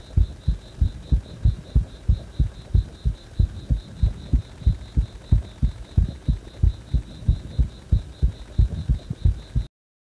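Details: Heart still beating fast even after release from compression: fast, regular, thudding heartbeat with a faint pulsing high tone behind it; tachycardia.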